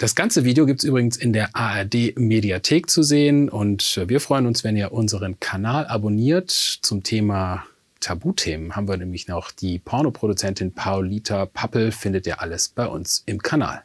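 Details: Adult male speaker; normal speech.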